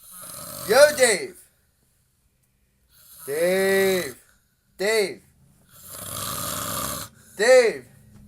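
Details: Adult man asleep in a recovering addicts' house, sleep apnea mentioned: loud, tonal, rattling snores with pauses between breaths, about five in eight seconds; heavy snoring.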